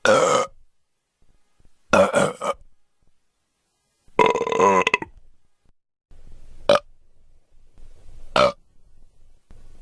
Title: Burp sound effects